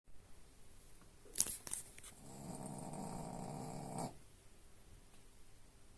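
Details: A sharp snort, then one long, low, rumbling snore from a dog asleep; dog snoring.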